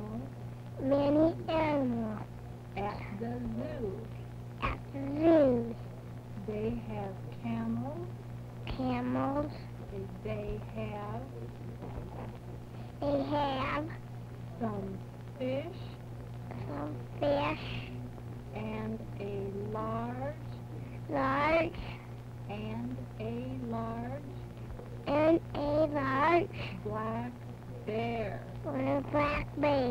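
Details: Speech sample recorded during a cineradiographic (X-ray) examination of the velopharyngeal mechanism, shown as an example of good velopharyngeal closure; normal oral resonance.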